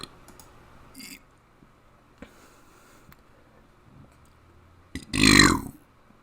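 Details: One loud, drawn-out belch after soft clicks and room noise, made while burping the alphabet; ordinary deliberate burping.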